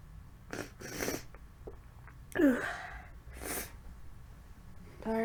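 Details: Sneeze from an adult sick with a lingering cold that is mostly in the throat, with frequent coughing: a sharp, explosive voiced sneeze between sniffs and breaths.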